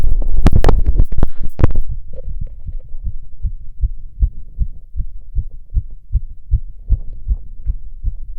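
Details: Self-auscultation of own fast heart rate, recorded standing (orthostatic) and sitting, with tactile exam; tachycardia with normal heart sounds, nothing abnormal heard.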